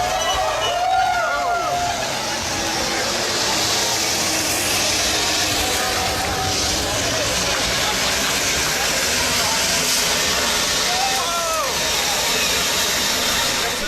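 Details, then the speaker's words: MRI magnet quench, done because an unidentified package was in the magnet bore: a loud, steady rushing hiss of liquid helium boiling off, diverted into the hospital parking lot, with excited voices in the background. "they ended up quenching the magnet and after they quenched this magnet all this liquid helium boiled off and it was diverted into the parking lot of the hospital"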